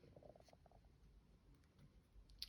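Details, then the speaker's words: Faint, low gurgling rumble from an adult's empty stomach near lunchtime; hunger borborygmi, stomach rumbling. "rumble) Oh my days I hope you didn't hear that that was my tummy! It's nearly lunch time I'm going to have something to eat after I finish this!"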